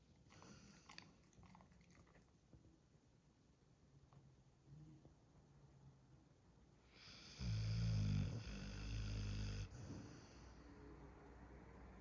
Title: Snoring sounds of a dog 🐶